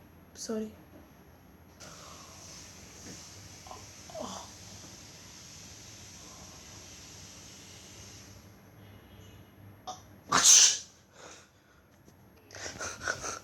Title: Sneezing boys vs girls 😂